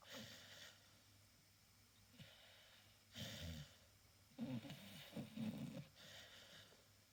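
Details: Sleeping Staffy dog: soft snorting, fluttery snores about one breath cycle every two seconds over low hum: snoring.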